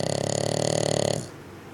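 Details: Bugg dog snoring loudly: a single rough, buzzing snore on one breath, fading out after about a second.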